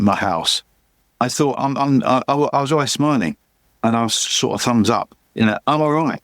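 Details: Adult male with aphasia after a massive stroke about 11 years earlier; still unable to read or write, and he says his speech is not great; aphasia.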